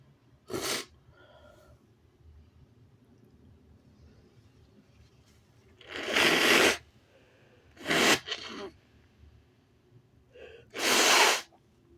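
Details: Sneezes deliberately induced with paper tissues: four sharp, explosive sneezes over about twelve seconds, with brief breath catches between them, in a quiet room.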